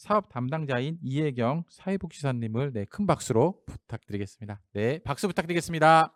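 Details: Adult speaker; normal speech.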